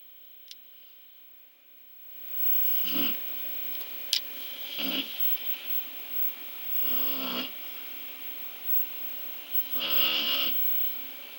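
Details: Female dog snoring very loudly while asleep: four rough, whistling snoring breaths over about eight seconds with a few clicks in between; ordinary snoring.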